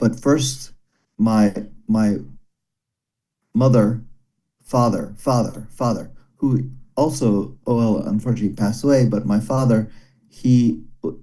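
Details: Broca's aphasia after a stroke during valve surgery in a male former paramedic, who understands speech but finds speaking very hard. He repeats one word many times.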